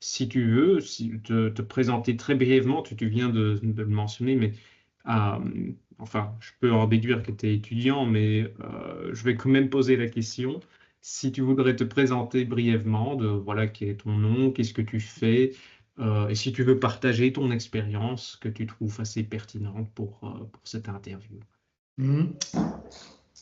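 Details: Adult male speaker; typical speech.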